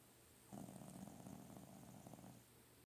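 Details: One long, low, rumbling snore from a sleeping dog against a steady background hiss; snoring.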